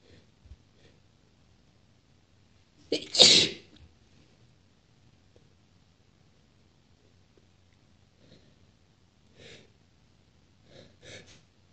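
A single loud, wet, explosive sneeze with a short intake before it, followed by a few quiet breaths and sniffs.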